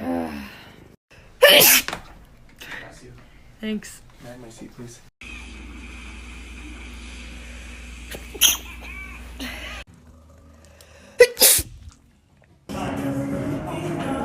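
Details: About four sharp, explosive sneezes between brief snippets of talk and room noise, from a short compilation of sneezes; sneezing.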